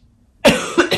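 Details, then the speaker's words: Adult coughing for several days, worse last night and overnight, losing voice, given cough syrup by a doctor; after brief silence a short burst of two or three harsh coughs: plain cough during an illness. "Mais surtout hier soir et cette nuit, même si je tousse depuis plusieurs jours. Là, le médecin m'a donné un sirop pour la toux."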